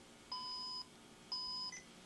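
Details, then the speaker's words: Sigma infusion pump alarm at power-on: tubing in front of the downstream occlusion sensor but none in the upstream sensor, roller clamp out of its holder; two steady high-pitched half-second beeps signalling the loading fault. "in this condition the pump detects the tubing left in front of the downstream occlusion sensor but senses there is no tubing in the upstream sensor and the roller clamp is not in the roller clamp holder"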